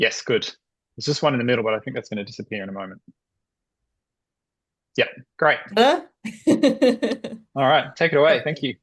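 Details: Adult male speakers; normal speech.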